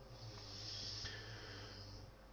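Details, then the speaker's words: Dog snoring loudly in the background of a game tutorial recording; snoring. "I'm not sure if you guys can hear it, but that's my dog in the background snoring his head off."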